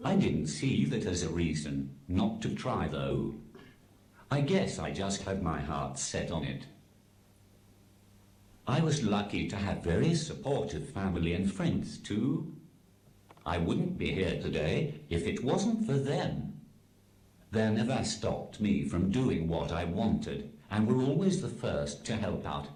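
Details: Adult male text-to-speech communication aid; Synthesized speech from a speech-generating device.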